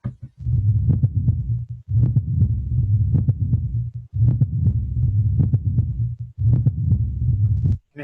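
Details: Cardiovascular semiology teaching recording of mitral valve prolapse: low, rumbling heart sounds with sharp midsystolic clicks and a systolic murmur of mitral regurgitation.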